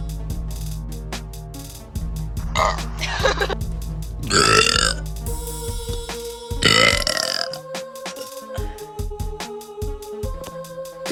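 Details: Woman burping: several loud, drawn-out belches over background music.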